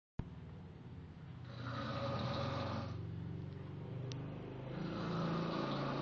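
Low, rattling, fluttering noise rises with each breath in, with two loud snores a few seconds apart over a quieter steady rumble. Typical adult snoring.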